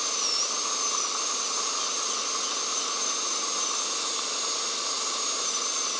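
A steady, piercing high whine over a constant rushing hiss. A dental drill running together with suction.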